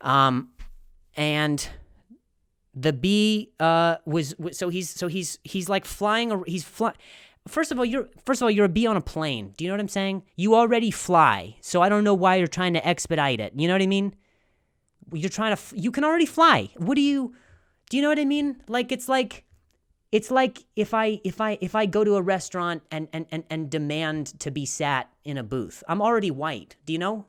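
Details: Stuttering in a male comedian who has a stutter; finding: stuttering.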